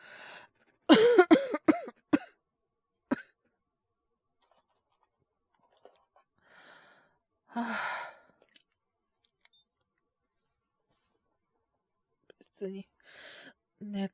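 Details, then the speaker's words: Simulated cold cough acted by a male voice actor, cough worsening since previous day: burst of about five quick coughs, then sighs and a few more single coughs. "ご覧の通りっていうか、お聞きの通りですかね。ちょっと咳出るようになっちゃって。風邪ですかね？"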